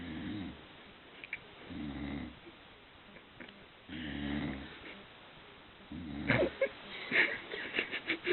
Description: my mom, after opening gifts, fell asleep by the fire side. Papa said it sounds like she's cutting logs...